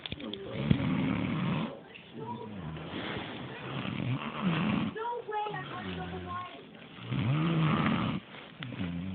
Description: He snoring mad long